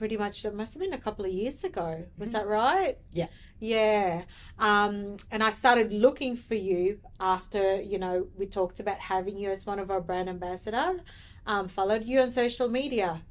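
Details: Adult woman speaking; typical speech.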